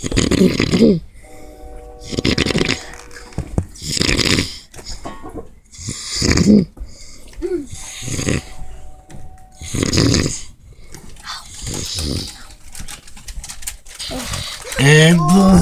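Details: Adult snoring: loud, rough, rattling snores repeating about every two seconds, with faint tones and talk in the background; heavy snoring.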